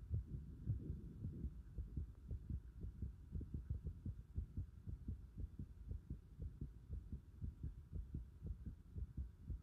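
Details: Steady low thudding heartbeat at roughly 115 per minute with a constant hum behind it; normal heart sounds recorded with the pulsation at the pit of the stomach (epigastrium).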